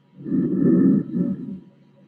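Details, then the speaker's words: Training manikin auscultated over the posterior chest zones: soft, low, rushing breath sound with a prolonged inspiration and a barely audible expiration; normal vesicular breath sounds. "La primera parte es la inspiración. Y fíjense que no escuchan nada de expiración casi. ¿Sí? ¿Se escucha bien? O sea, inspiración prolongada, expiración apenas audible, murmullo vesicular."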